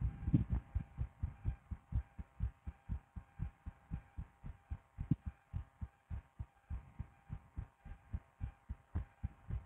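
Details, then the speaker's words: Woman's own heartbeat through a DIY stethoscope, steady and fast at roughly 120 beats a minute, soft paired thumps; heartbeat. "No, but anyway, let's listen to my cute little fluttering heart that you love so much."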